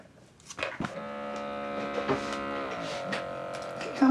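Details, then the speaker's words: GP consultation, adult patient with alcohol problems taking blood pressure tablets: automatic blood pressure monitor cuff inflating with steady motor hum, pitch stepping down near the end; reading 119/78. "so seriously should we do your blood pressure you've been taking your tablets okay yeah yeah yeah slowly"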